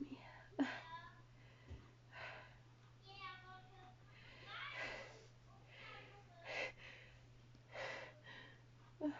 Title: stifles, let outs and failed holdback (dizzy female sneezes)